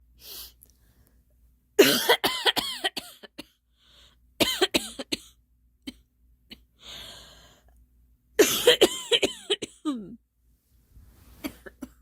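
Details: Girl coughing: three bouts of rapid, repeated coughs, each a run of short harsh bursts, with brief pauses between bouts.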